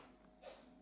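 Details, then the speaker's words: Small cat sneezing faintly in the background of a podcast recording; brief hissing burst rising from quiet room noise; sneeze. "que vous entendez mon chat éternué en fond"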